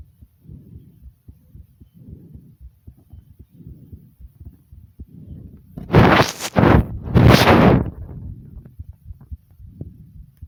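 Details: Soft, regular low thumps at about 100 a minute, interrupted midway by two loud rushing breath sounds, from a self-recorded heartbeat; heartbeat.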